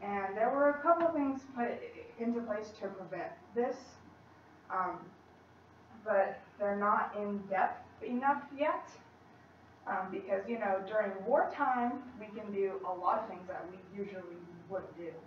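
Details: College student who stutters, speaking in English at a practice presentation; she reports stuttering more before unfamiliar people or large audiences and sometimes having difficulty using her technique; stuttering.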